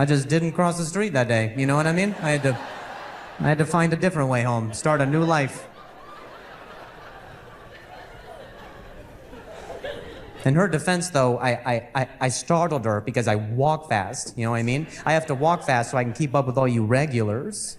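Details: Male comedian who stutters, performing live stand-up in early 2021 while responding to a heckler, who says noises heard while he talks make him stutter badly; stuttering.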